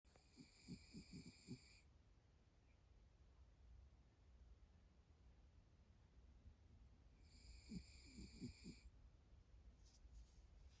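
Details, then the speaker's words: Soft, short snuffling snores in two brief bursts with a faint high whistle and quiet breathing between, from Louie, described as a good boy; snoring. "you snoring? Louis was snoring his little head off. Good boy."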